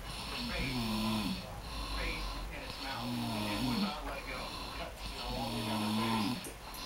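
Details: A dad snoring during sleep: repeated low, rattling snores with each breath, about three snoring breaths in seven seconds, over steady room noise.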